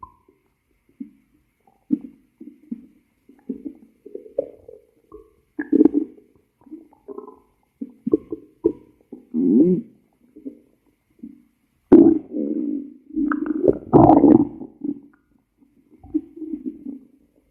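Gurgling, squeaky rumbles from the belly in irregular bursts, with a longer growl near the end; ordinary stomach growling.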